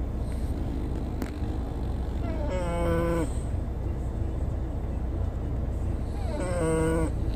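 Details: French Bulldog snoring continuously while travelling over hills and streams; snoring.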